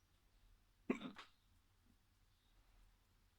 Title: Short case of hiccups